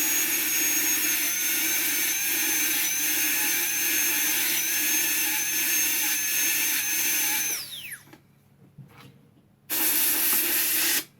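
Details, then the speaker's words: PFM crown preparation on the upper left canine: 330 tungsten carbide bur in a dental handpiece marking a 1 mm deep incisal depth cut, steady high-pitched whine for about seven seconds, winding down, then a brief restart. "I will take a 330 burr, tungsten carbide burr, and I will make a mark on the surface 1 millimeter deep."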